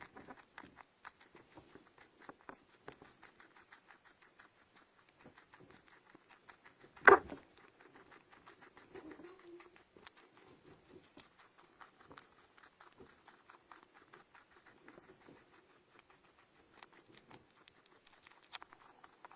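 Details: A single sharp cough from a small pet rodent stands out against soft pattering and scratching.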